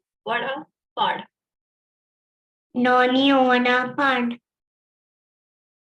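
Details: Child with cleft palate, sentence sample; phonemes articulated correctly but overall speech nasal, attributed to a large velopharyngeal opening or oronasal fistula; hypernasality.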